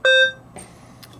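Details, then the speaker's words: Single short electronic beep from a Maquet Servo-U ventilator in PRVC/AC mode, sounding when the inspiratory hold button is held under static measurements; a plateau pressure of 24 was then read. Ventilator alert beep. "if i hold the inspiratory button in until it beeps"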